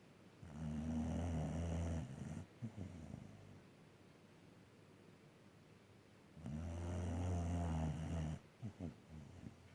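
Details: Female dog snoring while awake: two long, low rattling snores about four seconds apart, with quiet breathing between; dog snoring.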